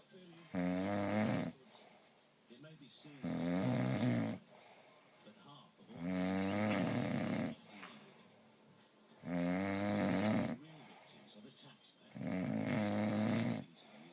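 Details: Loud, regular rattling snores on each breath in, about five in fourteen seconds (roughly 20 a minute), with quiet breaths out between; snoring.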